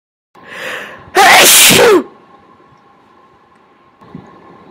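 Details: Sneeze induced by tickling the nose with a Q-tip: a short indrawn breath, then one loud, wet, explosive sneeze, followed by quiet room noise.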